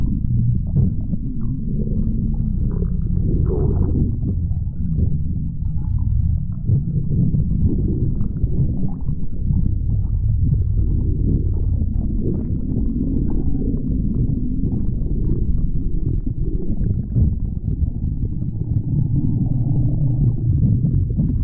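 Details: Continuous low gurgling and rumbling from the belly as gas and fluid move through the gut: stomach growling (borborygmi).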